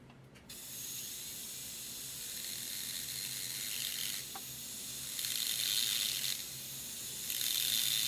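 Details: DSI Lindemann heavy-duty hardened-steel surgical dental drill in a live demonstration: high-pitched whine with short bursts of grinding as the bit cuts bone.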